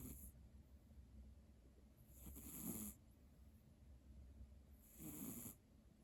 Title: Cat Snoring ②